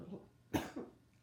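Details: A single sharp adult cough followed by a softer trailing burst in a quiet room; cough.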